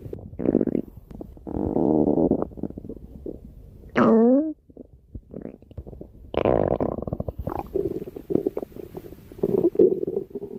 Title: A special stomach growl video